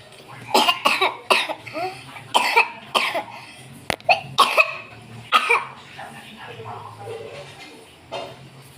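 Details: A child gives a run of short, intentional coughs in a voluntary cough, while her sister, another child, reacts in between.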